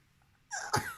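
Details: Adult woman sneezing from hay fever: a single loud, sharp sneeze with a quick inbreath before the burst.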